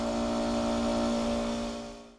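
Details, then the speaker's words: Steady, smooth mechanical hum from the air compressor of a Dentalaire Prestige dental machine just switched on during setup, fading out at the end: a quietly running dental air compressor. "We're next going to turn the machine on on the electrical multiple strip and then down on the air compressor itself. Notice how quiet the compressor"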